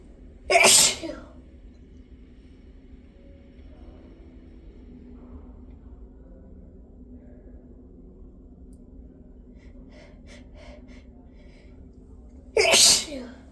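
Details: Two loud, sudden sneezes about twelve seconds apart with quiet breathing between; sneezes induced by tickling the nose.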